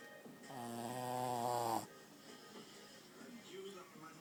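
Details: Chihuahua snoring when its face is covered: one drawn-out, buzzing, nasal snore on an in-breath, then quiet breathing with faint room noise.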